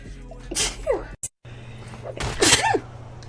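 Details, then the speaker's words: Two sharp explosive sneezes, each with a quick intake before, separated by a brief cut; faint room noise and background music; sneeze. "Guys, I feel like I'm gonna sneeze for the third time. Excuse me."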